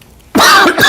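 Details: Cough.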